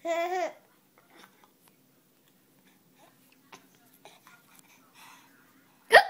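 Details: Child who finds hiccups funny: a laugh followed by quiet sounds and a sudden sharp vocal catch at the end, consistent with a hiccup.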